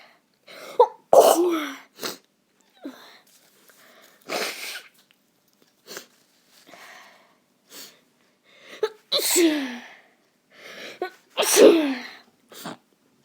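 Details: An adult with a common cold sneezes about four times, each sneeze preceded by a quick in-breath: sneezing.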